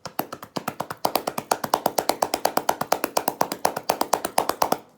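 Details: Chest percussion with cupped-hand clapping over the chest, especially the lower rib cage, as airway clearance for COVID-19; chest percussion.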